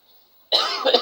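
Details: A single short cough after a brief silence, from an Indonesian speaker who says they have had a cough for a week and is about to take cough syrup.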